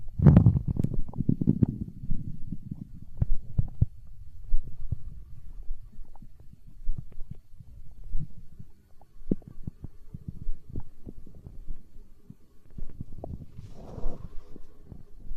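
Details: Stomach growling in hunger, tagged as empty-stomach sounds in an ASMR recording: low rumbling and gurgling with irregular bubbly pops, ordinary borborygmi from gut movement.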